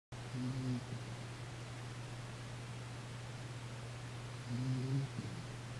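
Two soft, low snoring breaths about four seconds apart over a steady background hum; light snoring in a sleeping cat.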